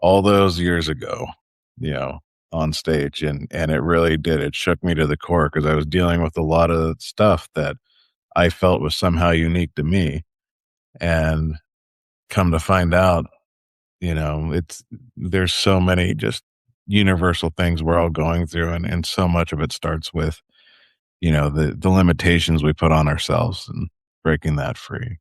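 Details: Adult male speaker; typical speech.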